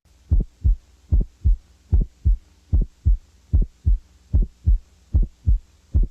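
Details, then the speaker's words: Wide splitting of the first heart sound, presented as a teaching example to contrast with a slight, discreet splitting. "ahora si va a escuchar este poblamiento amplio del premio a ritmo cardíaco concéntrense por favor para que puedan escucharlo"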